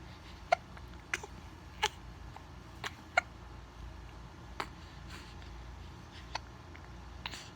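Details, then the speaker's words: Baby boy with hiccups while a parent talks to him: quiet, sharp, brief catches at irregular intervals, several within a few seconds, over room noise. "I got hiccups. Oops. Hiccups. Oh, I got hiccups."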